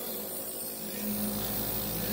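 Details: Young girl with a cold receiving a ten-minute nebulizer treatment by mask, resisting it; steady mechanical hum with soft hiss throughout; nebulizer compressor running.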